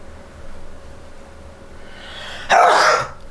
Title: Baby Kitten Hid In Amazement at My Cough